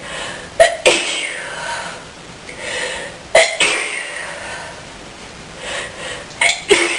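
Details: Woman with tickling, snuffling nose early in the morning: three sharp coughs in pairs, each burst split into two quick explosive parts, with snuffly breathing between.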